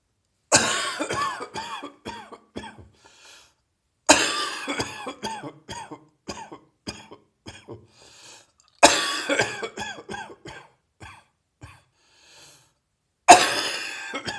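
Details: Four coughing fits, each a strong harsh cough trailing into weaker coughs, from a heavy chest cold with the cough getting drier.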